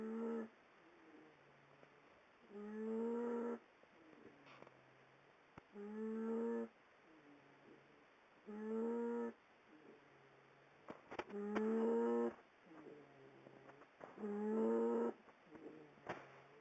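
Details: Animal snoring while asleep in the owner's bed: regular, high, whining snores about 21 a minute, each followed by a softer out-breath, likened to a baby pterodactyl crying.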